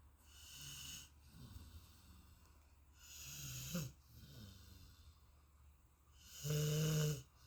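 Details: Golden Retriever dog in deep sleep: slow, soft breathing with gentle snoring on each breath, ending in one louder, buzzing snore.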